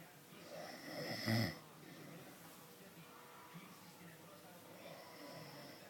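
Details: One loud, rough snoring breath stands out against room noise, with softer breathing sounds around it; ordinary snoring.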